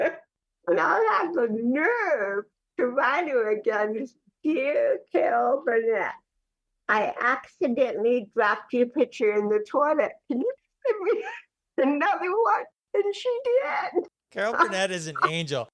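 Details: Dysarthria in cerebral palsy, heard in the real conversational speech of an adult woman.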